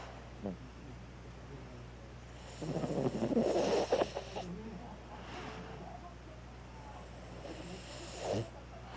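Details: A sleeping 5-year-old male whose paws and nose tip turn pink when sleepy, snoring with noisy rattling breaths over room hum, one loud harsh snore and softer ones after.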